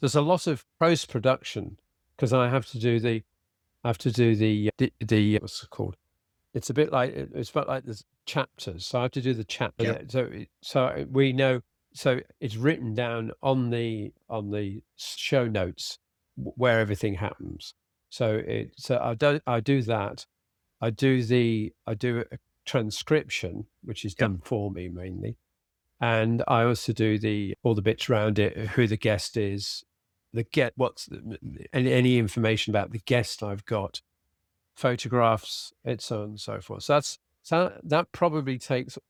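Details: Adult man with aphasia after a sudden stroke, treated with speech and language therapy and flashcard vocabulary work; still has word-finding difficulty, cannot read a script, and tires as the day goes on; aphasia.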